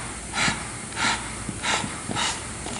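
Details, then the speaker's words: Bag-valve-mask function test during anesthetic machine check: four rhythmic airy whooshes about every 0.6 seconds as the self-inflating bag is squeezed and refills; bag works normally. "Air mask. And I'm pretty sure this is the one. Oh, you can. Then you test your bag."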